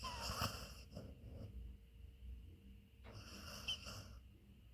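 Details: Beagle sleeping on owner's leg, transitioning from snoring into REM dream sleep: hissing, whistling breaths with a soft snore over two breath cycles: snoring.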